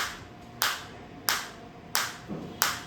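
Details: Biotronix SW7 focused (not radial) shockwave therapy device firing at low intensity, frequency 90, with the shot count running: sharp, evenly spaced clicks about every two-thirds of a second.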